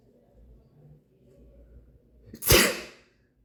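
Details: A single sharp, forceful adult male sneeze, with a quick intake of breath just before it, in a quiet room; boyfriend made to sneeze.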